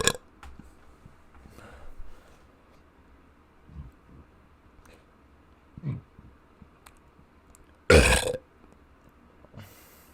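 A few quiet throat sounds, then one loud, rough burp; ordinary belching.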